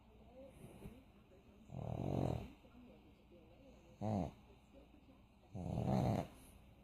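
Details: Sleeping pug: three rough, low snoring noises spaced a couple of seconds apart over quiet room noise; snoring.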